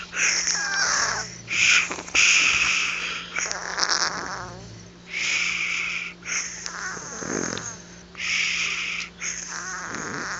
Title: شخير مميز ههههههههههههه Snore